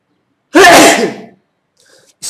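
One loud, explosive voiced burst lasting under a second, fading out: a single sneeze.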